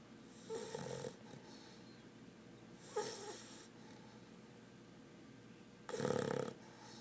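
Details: A 4-month-old English Bulldog puppy, fast asleep, snoring.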